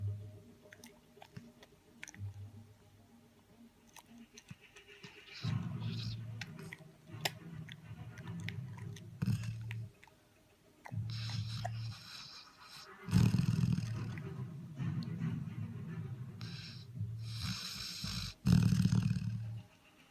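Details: Labrador dog sleeping with its tongue hanging out: low, rumbling snores in uneven bursts, with faint clicks and room noise.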